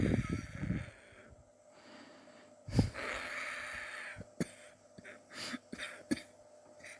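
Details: Adult's own cough, recorded over several weeks; sore from coughing, suspects bronchitis but unsure, chest x-ray planned to check for pneumonia: one strong cough burst followed by a few weaker ones in a quiet room.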